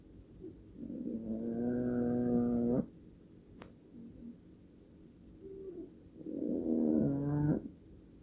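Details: Two long, loud, rattling, tonal snores with quiet breathing between from a very old cat in very deep sleep, who sometimes wakes herself when too loud; ordinary snoring.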